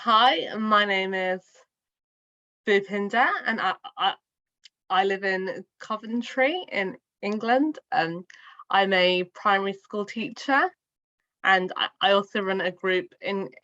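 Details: Adult woman who has stammered since childhood and has had speech therapy since childhood; stuttering.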